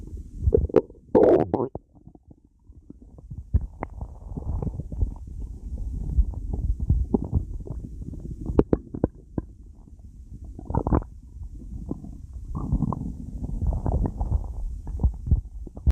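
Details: Stomach growling (borborygmi): low rolling gurgles and rumbles with several louder squelching bursts; normal stomach growling.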